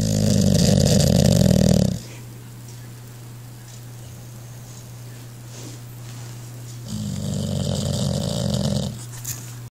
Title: English bulldog snoring